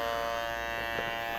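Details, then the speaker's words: Steady high buzzing hum of a running microneedling pen, its 12-needle head snapped on and described as running at a thousand or more revolutions per minute. Part of a facial for acne and keratosis pilaris, starting on the forehead. "so you put it on into the head snaps in and then when you turn it on so it's coming out at thousand revolutions per minute or possibly more"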